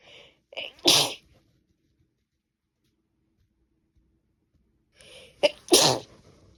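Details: Sneezing from a woman with a cold: two sneezes, each a quick breath in then a sharp explosive burst, separated by silence.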